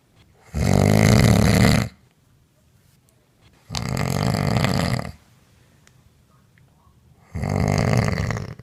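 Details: Adult woman snoring loudly while asleep, recorded on a mobile phone by her partner: three long, loud, rattling snores with quiet pauses, about seven breaths a minute; heavy snoring.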